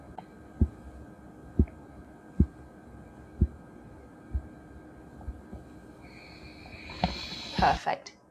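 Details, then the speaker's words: Manual blood pressure with stethoscope diaphragm over the brachial artery at the antecubital fossa, cuff deflating: first tapping Korotkoff sounds marking systolic pressure heard at 90, listened to until they fade. "inflating up and slowly releasing with the valve turned and listening out for the first noses which the systolic pressure lovely I can hear that 90 and I'm going to continue listening until it fades away"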